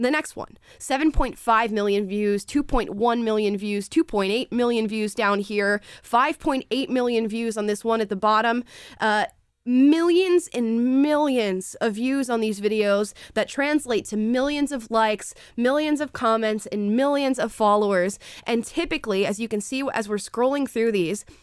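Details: Adult woman speaking; normal speech.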